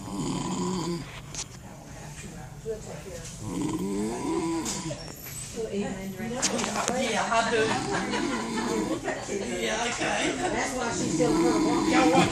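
Continuous rumbling snore with grunting, snorting sounds and some room noise; ordinary snoring.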